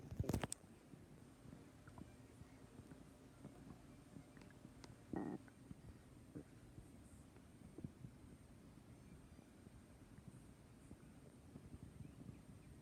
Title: Stomach growling